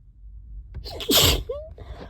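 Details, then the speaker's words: Allergic sneeze triggered by cleaning a trap: quick intake of breath, then one loud, wet, explosive sneeze, during a prolonged sneezing fit. "Making a mess. It really tickles. These are so wet."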